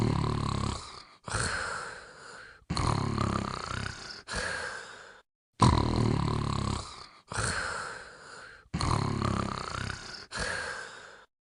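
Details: Dog sleeping and snoring.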